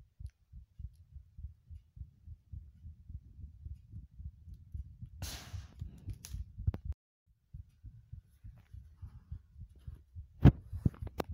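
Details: Steady, fast, low thudding heartbeats with a brief pause and a few sharp clicks.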